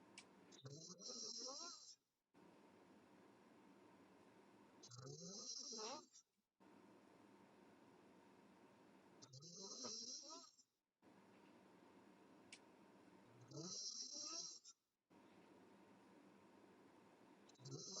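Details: Sleeping girl, mouth open, snoring: regular snoring about 14 breaths a minute, each with a rasping, fluttering sound and a hiss, over steady room hum.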